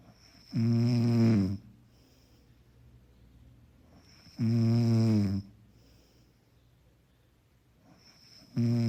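Loud, regular rattling snores on each breath in, about one every four seconds, with quiet pauses between them.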